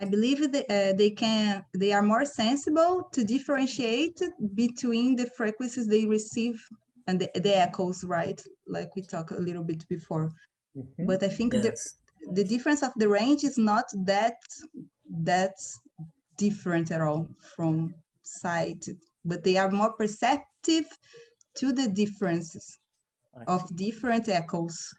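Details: Adult speaker; ordinary speech.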